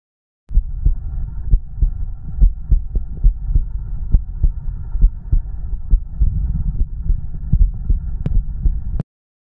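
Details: Steady low thumping heartbeat recorded close to the body, with a faint hum underneath; normal heartbeat, from a recording of heartbeat and stomach growling.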